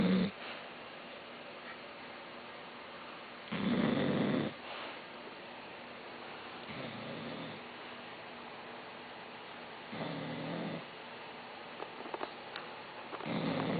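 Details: Loud, heavy snoring during sleep: low, rattling snores about every three seconds in a quiet room.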